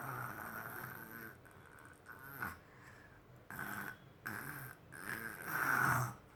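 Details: Child back home from kindergarten imitating how adults snore: rough, snorting breaths in uneven bursts; simulated snoring.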